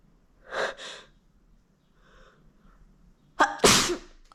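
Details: Sneezing induced by teasing the nose with a fluffy white feather: quick sharp breaths in, then a loud explosive sneeze; an ordinary sneeze.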